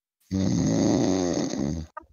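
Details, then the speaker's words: Snore sound effect of a sleeping creature (Snorex) in a video game: a single long, loud, vibrating snore of about 1.5 seconds ending in a snort. "you can tell that he's falling into a deeper sleep because he's trying to snore louder now"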